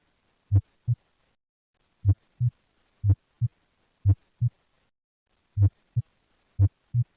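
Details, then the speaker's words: Heart auscultation in dextrocardia, with the apex on the right and sounds heard best on the right chest and much reduced on the left: clear paired lub-dub sounds at about 50 a minute; dextrocardia heart sounds. "na décadastrocardia o ápice está situado no lado direito assim a intensidade do som do coração será acentuadamente reduzida no lado esquerdo os sons cardíacos serão ouvidos melhor no lado direito do peito"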